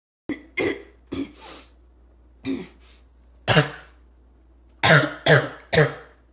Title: Choking barking cough